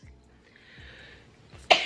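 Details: Quiet breathing and a faint inhaled build-up, then one sharp, explosive sneeze from a girl, triggered by a Covid-19 nasal swab test.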